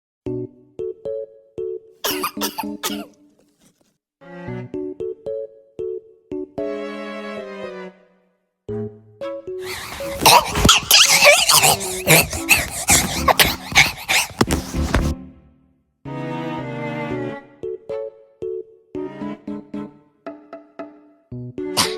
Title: Me coughing 😂